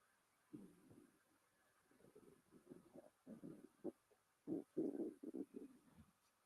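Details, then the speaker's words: Adult's audible stomach growling during a quiet building session: quiet, irregular low gurgling and bubbling bursts rising and falling over several seconds; ordinary borborygmi. "So sorry if you can hear my stomach growling at me."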